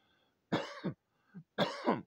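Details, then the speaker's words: Sudden adult coughing fit: two harsh, forceful double-burst coughs with a small cough between; the speaker suspects the air tickled his throat. "Przepraszam, ale złapał mnie jakiś histeryczny napad kaszlu. Nie wiem, o co chodzi. Powietrze, słuchajcie, jest niesamowite. I prawdopodobnie to mnie tam połechtało w gardle."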